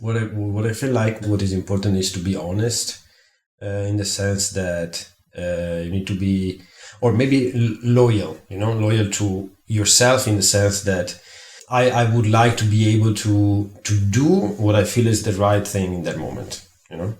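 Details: Adult male speaker; stuttering.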